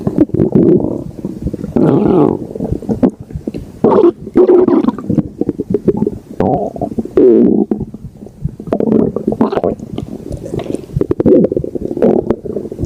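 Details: Loud, continuous gurgling and rumbling from the belly; ordinary stomach growling.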